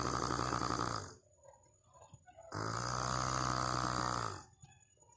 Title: Good sleeping 😴 snoring